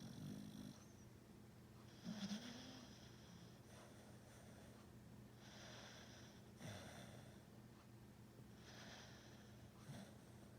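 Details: Snoring: quiet, regular snoring breaths with snorting, whistly edges, about six breaths a minute; sleep snoring.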